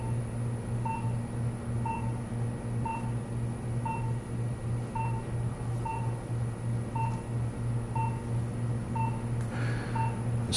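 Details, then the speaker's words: Heart rate monitor during upper blepharoplasty (eyelid surgery) on a woman under oral Valium and local anesthesia, no IV sedation: steady regular beeps about 60 a minute over low room hum, tracking her heart rate. "She is being monitored. You might be able to hear that beep in the background. That's her heart rate."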